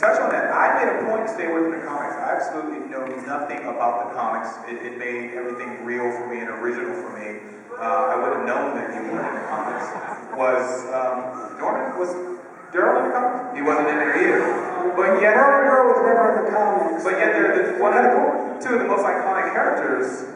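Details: Adult speaking into a microphone; normal voice.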